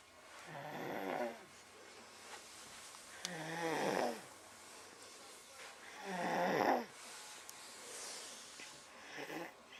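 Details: Regular rough rattling snores on each in-breath, about three per ten seconds, in a darkened room, from Cooper asleep after a day with a sore tummy.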